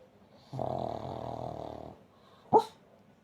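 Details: Sleeping pug dog snoring, sounding as though it cannot decide whether to bark or snore.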